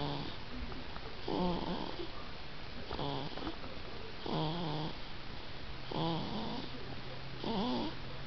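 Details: 4-month-old baby girl snoring pretty loudly in sleep: repeated rattling, fluttering breath sounds at roughly 37 breaths a minute over steady background hum.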